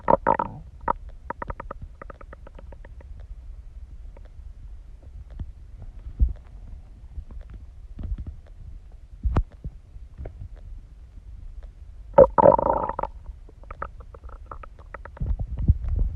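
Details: Human stomach digesting: irregular gurgling and low rumbling bursts with quiet gaps between them; stomach growling (borborygmi).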